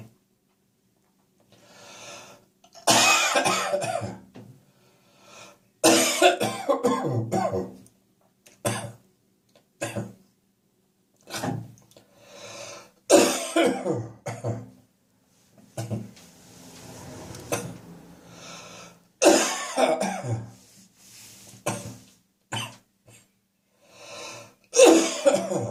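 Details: An adult wakes with catarrh, possibly from damp summer weather and drinking beer the night before, and has repeated wet, rattling coughing bouts with throat clearing, bringing up mucus: a productive cough.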